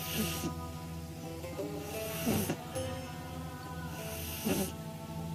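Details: 9-week-old pug puppy sleeping on her back, eyes rolled back, rhythmic snorting snores about every two seconds over background music, recorded on a phone; snoring.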